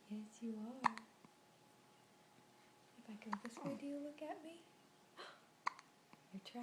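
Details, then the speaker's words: Baby with hiccups in the morning, an adult softly talking to the baby: a few abrupt short hiccup catches; infant hiccups. "hi poor little hiccups please sweet today we shows hiccups would go away"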